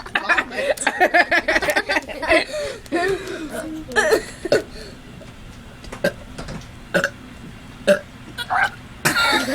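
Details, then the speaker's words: Voluntary burping after drinking lots of soda: repeated loud burps, several drawn out with a rolling, voiced quality, separated by short pauses, with laughter; burping. "yeah hey this is us burping okay hold on you go first"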